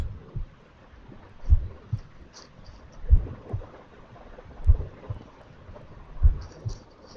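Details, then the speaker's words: Mitral regurgitation: slow, regular paired heart sounds with a soft pansystolic murmur filling systole, usually heard at the apical area. "okay you have heard the maror can you tell me the name of this marar okay I'm giving uh another clue it is pansystolic Mur usually hard at the epical area"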